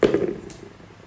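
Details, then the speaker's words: Acted demonstration of effective cough therapy, done with the patient in a comfortable position to relieve cough, clear the airway and ease breathlessness: a single short, forceful cough burst that fades quickly. "Setelah itu yang kedua adalah terapi batuk efektif yang berfungsi untuk meredakan batuk, melancarkan jalan nafas, dan mengurangi sesak nafas."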